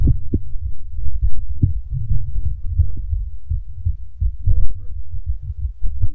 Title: Male's Fast Heartbeat Picked Up By Mic